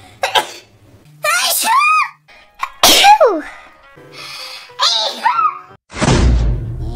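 A rapid series of short explosive sneeze bursts, some with high squeaky pitch, over background music; repeated sneezing.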